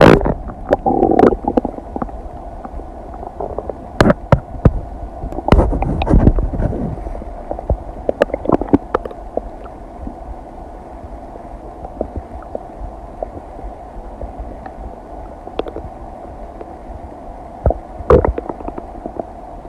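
Irregular gurgles, clicks and low rumbles from an adult abdomen: ordinary digestive bowel sounds.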